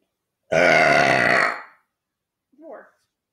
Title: Burping video #2